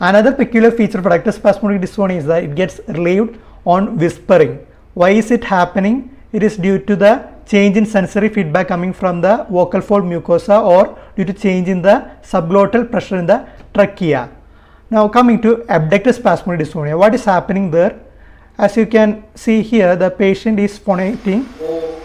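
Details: Adult clinician speaking; normal speech.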